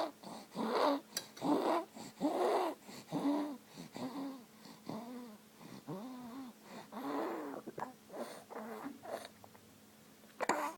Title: wheezing